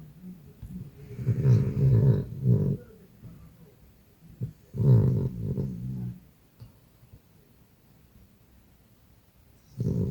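Deep, rough, growly snores in bursts with quiet gaps between them; loud snoring in a small room.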